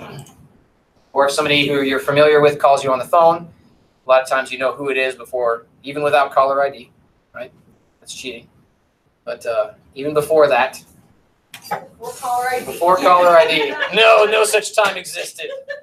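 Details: Adult man, lecturing; normal speech.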